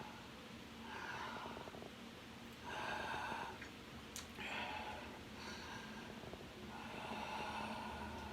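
Soft, rough breathing sounds recurring every couple of seconds with a nasal, sniffly quality during sleep; mild snoring.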